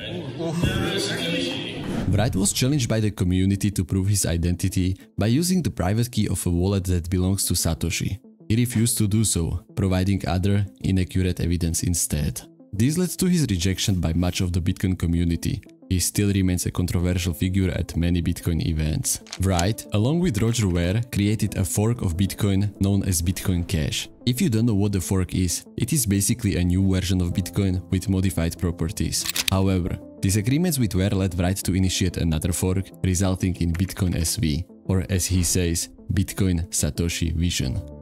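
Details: Adult male narrator; normal speech.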